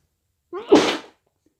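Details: Self-induced sneeze while a bit drunk: a brief voiced intake, then a sharp, forceful burst of air.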